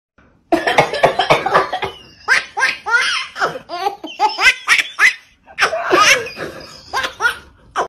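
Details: A quick run of short coughs, followed by bouts of hearty laughter in a small room: cough.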